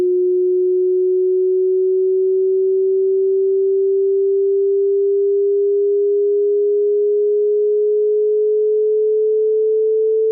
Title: Hearing Test (Frequency)